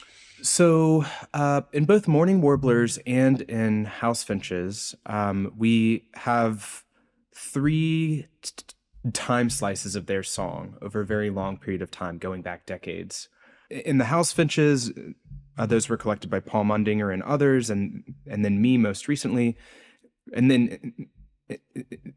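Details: Adult male postdoctoral researcher, self-reported speech impediment audible throughout an interview; this stretch has word repetitions; stuttering (disfluent speech with repetitions and prolongations).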